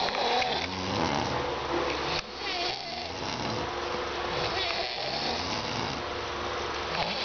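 Rough, rattling snores from overlapping sleepers, uneven in rhythm, with some room noise.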